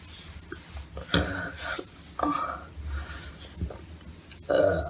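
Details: Several loud, repeated burps over a few seconds with faint room noise; belching.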